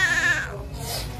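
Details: 4 kg newborn baby boy just after normal vaginal delivery: loud, strong, high-pitched cry settling briefly; vigorous cry of a healthy newborn.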